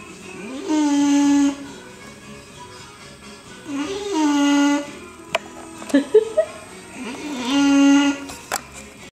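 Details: Small rescue bulldog asleep at owner's feet, snoring loudly: buzzy, tonal snores about 18 a minute, each lasting roughly a second, with faint clicks between breaths.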